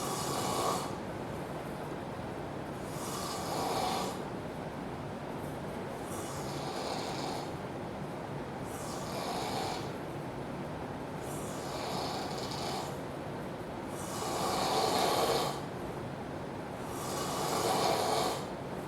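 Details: Loud, rough, rattling snores repeating through sleep, roughly six breaths in the span, each a noisy rasp on breathing in, sleeper not waking; very loud snoring.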